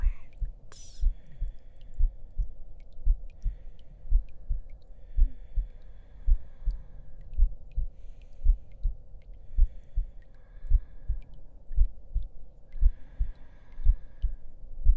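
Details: Heartbeat in an ASMR roleplay with the listener lying down to rest: steady, soft, low thumps at about 57 beats a minute, with faint background hum.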